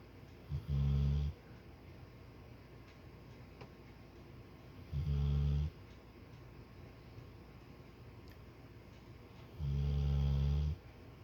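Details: Three deep, rumbling snores from a sleeping subject, with quiet gaps between them, irregular at about twelve a minute over faint room hiss; snoring.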